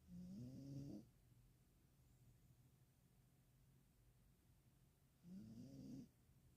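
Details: Two slow, rumbling snores in a sleeping dog, with a vibrating, rattling tone on breathing in, separated by quiet breathing; snoring.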